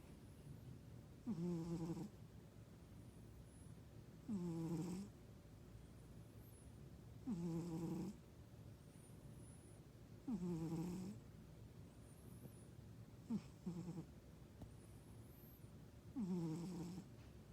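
Soft, regular snores about every three seconds, roughly 20 breaths a minute, from a sleeping cat; a quiet, harmless sleep snore.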